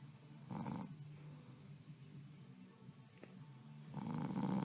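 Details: Snoring during sleep: two low, rumbling snores separated by quieter breathing, with faint background music.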